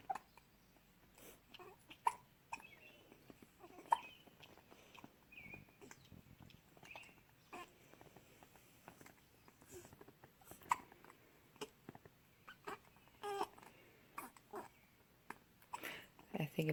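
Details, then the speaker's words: Twin infants hiccupping at the same time: repeated faint, quick catching hiccup sounds from two babies over a noisy room with soft rustling. The mother says they also hiccupped together in the womb. "They did that when they were in my belly, too. They'd both get hiccups at the same time."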